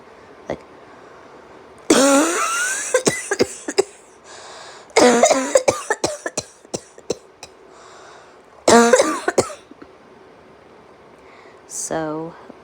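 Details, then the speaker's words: An adult woman demonstrates her voluntary "signature cough": three loud, open-mouthed, uncovered cough bursts, each followed by short trailing coughs, after wheezing and suppressed muffled coughs. "And then once I feel like I'm running out of breath, I'll let out like a bark. Like And then after that, I take a breath and then just open my mouth and let the cough go uncovered."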